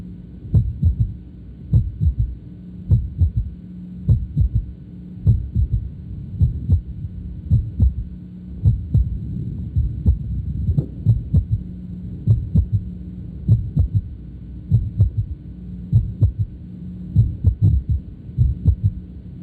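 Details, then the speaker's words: Very prominent, loud third heart sound (S3 gallop) of left ventricular failure, generally a dilated hypocontractile ventricle. Heard with the stethoscope bell at the left ventricular apex: low-frequency S3 following S1 and S2. "You'll hear the first heart sound, second heart sound, and then the low-frequency third heart sound that follows."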